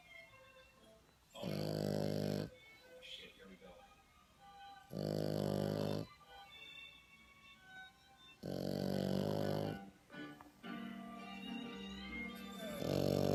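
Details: 5-month-old French bulldog puppy snoring: loud rattling snores about every 3.5 seconds, about 17 a minute, with quieter breathing between them.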